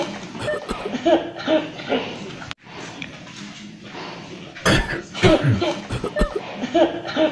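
Several short, sharp acted coughs break through background chatter and light laughter in a small room.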